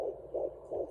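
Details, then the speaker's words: Fetal Doppler (Sonoline B) at 14 weeks of pregnancy, mother lying on a couch with her head down: rapid, regular whooshing fetal heartbeat, registering about 150, with placenta sounds mixed in as the baby moves. "but that is the baby you kind of hear the placenta in the background nope it's all getting missed together because the baby's probably moving"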